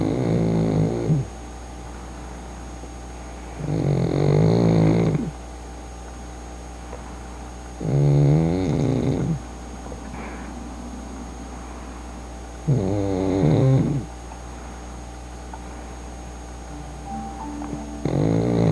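Regular low rumbling snores, about one every four seconds, with a steady hum in the background.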